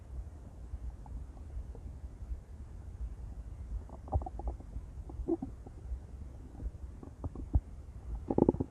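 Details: Intense stomach growls from a female: low rumbling gurgles with bubbly squeaks, ordinary borborygmi.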